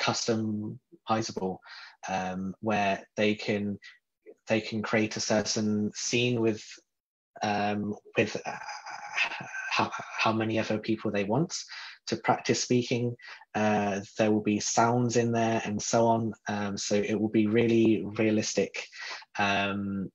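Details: Stuttering in an adult man from the UK who describes himself as a person who stutters.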